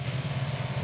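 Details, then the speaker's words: Nebulizer machine (model 605) compressor switched on and running, with no medicine loaded, after assembly. "अब जो है ना चल रही है, ये चलना शुरू हो गया।"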